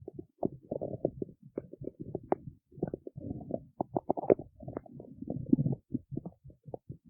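Continuous gurgling and bubbling rumbles in rapid irregular bursts, typical stomach growling from gas and fluid moving through the gut.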